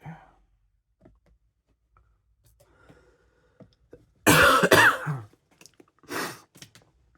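A couple of harsh, chesty coughs in a quiet room, with a few soft breaths and clicks around them; a productive cough with stuck phlegm.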